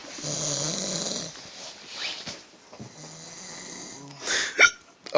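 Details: Snoring: a loud, rough, buzzing snore, then quieter breathy snoring and brief snorting sounds.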